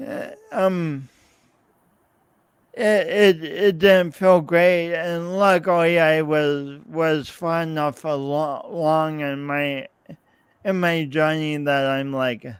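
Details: Adult man, podcast host, with his own speech impediment and coordination differences that persist despite years of practice possibly making him clearer; real, not acted; speech impediment.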